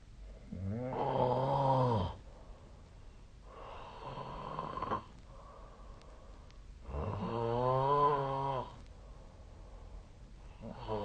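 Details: Snoring recorded with the SnoreLab snore app: loud, rough, buzzing inspiratory snores alternating with quieter exhalations; two cycles, about one every six seconds.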